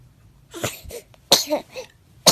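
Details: Two or three quick, high, breathy bursts from an infant, consistent with small sneezes; a normal infant sneeze.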